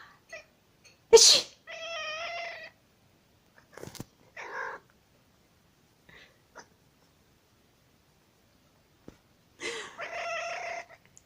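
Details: Sneeze from the owner: a sharp sneeze followed by the cat Pecán meowing in response, then a softer sneeze-like burst and another meow.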